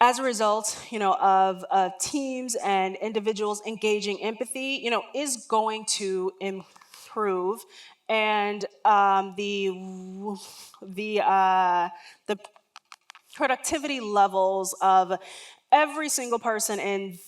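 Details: Adult woman, a lifelong stutterer, giving a keynote talk; stuttering.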